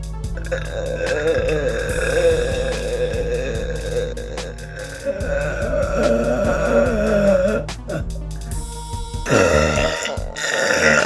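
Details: A girl's voluntary burping, made by swallowing air: a long belch lasting several seconds, then a shorter second one, over soft background music.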